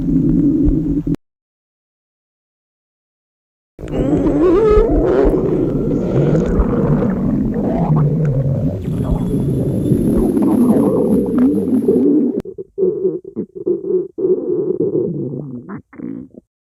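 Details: Girl's hunger stomach growling during class in a library: long, loud, low rumbling and gurgling with shifting pitch, then shorter bursts; normal hunger borborygmi.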